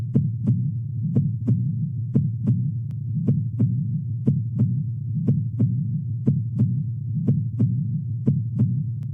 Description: The Cardiac Cycle at 60bpm timed with heart sounds. Lub = S1 is heard with the closure of the Mitral Valve and represents the start of Systole. Dub = S2 is heard with the closure of the Aortic Valve and represents the start of diastole.